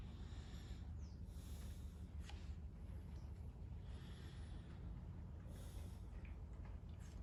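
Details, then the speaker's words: Rhonchi (gurgling) in a teaching auscultation demo: loud, continuous, harsh, low-pitched snoring sounds, best on inspiration and changed by coughing, heard over the trachea, bronchi and most lung regions. "El gorgoteo son sonidos fuertes, continuos, ásperos, roncos y graves. Estos se escuchan mejor en la inspiración y se modifican con la tos, y se localizan en la tráquea, bronquios y en la mayoría de la región pulmonar."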